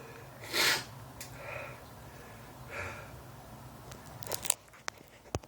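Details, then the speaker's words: A single sharp, explosive sneeze, then softer breathy sounds and rustling in a quiet room, from a man with daily uncontrollable sneezing since 2011, allergic to dust, pollen and trees per his doctor. "That's your daily sneeze. Whew."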